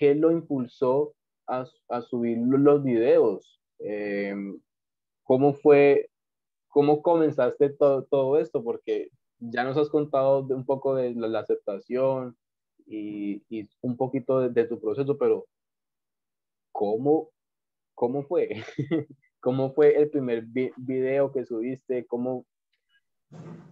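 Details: Adult male Spanish-speaking host who stutters, with stuttering since childhood, once so effortful it made him go red, and still present at times; stuttering.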